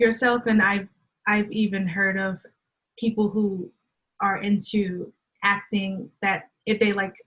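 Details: Adult woman who stutters and says she can hide her stuttering well; real stuttering in a conversational interview.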